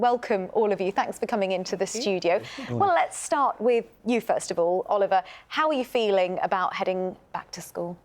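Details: Adult woman presenter; fluent speech.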